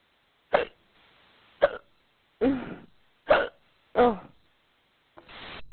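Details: Woman playing a giant in an acted audio role-play, with a powerful case of hiccups she seems to have brought on on purpose; five abrupt voiced hiccups about a second apart, each a sharp catch of breath with a short vocal tail.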